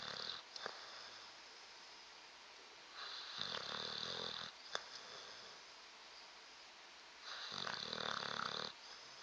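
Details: Sleeping bulldog: rhythmic raspy, hissing snores about every four seconds with faint clicks between; noisy snoring.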